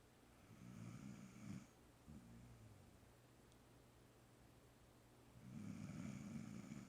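A dog gives low rattling snores on the in-breath, with a softer breath between them. Ordinary snoring.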